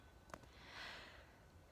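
A single quick nasal sniff followed by a soft breathy exhale; a sniffle during a bout of sneezing.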